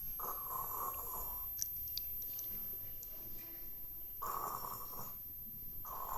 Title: Snoring baby... Perfect acting done ... Having fun with daddy..